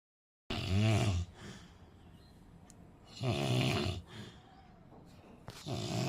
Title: snoring se sar me dard kar diye😜#sleep